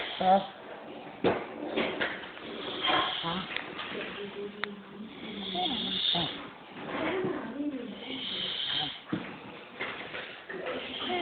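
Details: Uncle snoring: irregular rough, rattling breath noises through the nose and throat, with some snorts, in a small room.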